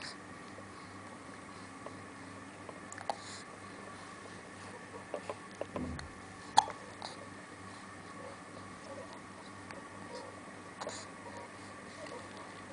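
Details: Faint, brief, sharp hiccup sounds spaced several seconds apart in a quiet room: hiccups.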